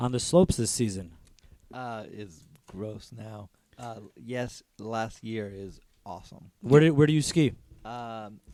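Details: Aphasia in an adult man after a stroke during surgery about eight and a half years earlier; could say only one word for about a year afterwards; ongoing speech therapy; word-finding difficulty.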